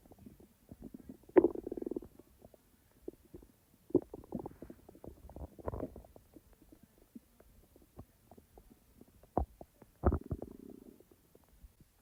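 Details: A person's own real stomach sounds, recorded when digestion was active but not in real time: bursts of bubbling, gurgling rumbles with short squeaky runs between quiet gaps, normal bowel sounds (borborygmi).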